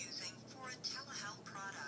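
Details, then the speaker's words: Thin electronic recorded voice prompt from a FORA D40g 2-in-1 blood glucose and blood pressure monitor during language selection (English default, Spanish option) in set-up. "then we have the language l1 is the default which is stands for English but we also have altitude which is a Spanish portion"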